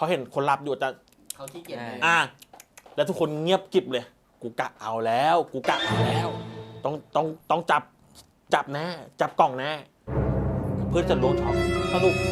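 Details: Thai speaker from a group of people who stutter, telling a story during a game; stuttering.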